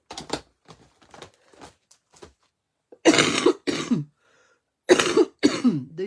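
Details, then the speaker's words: Adult woman coughing a lot since the end of the week, apologizing during a live crafting session; cough. "Désolé mon dou je serai pas très agréable ce matin à écoutez c'est ça depuis en fin de semaine je tousse beaucoup"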